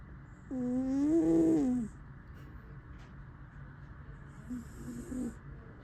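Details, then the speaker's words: A sleeping cat gives one long, buzzy, tonal snore on a breath, then fainter rougher breaths follow; cat snoring, and the cat then wakes up. "いびき聞こえるかな。おっさんですね、キャスちゃん。いびきすごいですね。"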